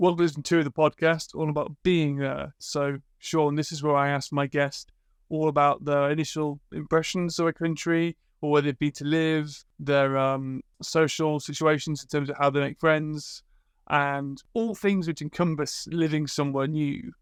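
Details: Adult male speaker; normal speech.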